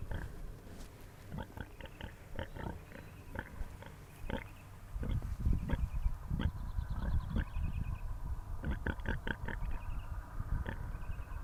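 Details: Sleeping pigs snoring: low, rough rumbling snorts and grunts repeat, with birdsong in the background.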